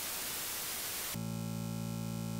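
Steady electrical buzz after a brief burst of hiss, a simulation of buzzing tinnitus.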